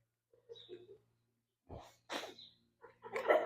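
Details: Short nasal bursts from a horse, a sneeze-like snort among quiet gaps, during a chiropractic adjustment and front leg stretch.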